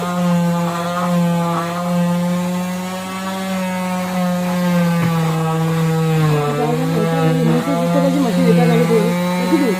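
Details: Steady droning, rasping buzz shifting in pitch: an oscillating cast saw cutting a modern plaster leg cast off a female patient; she reports skin scraping, heat and burning pain as it cuts.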